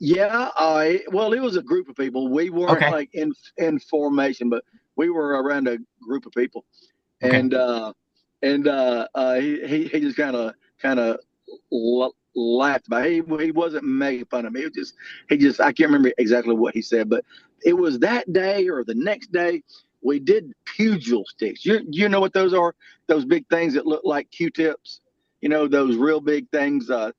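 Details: Adult male with lifelong stuttering that varies and was more severe in childhood: stuttering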